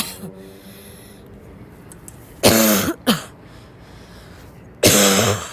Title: my lungs are barking and i'm breathless #cough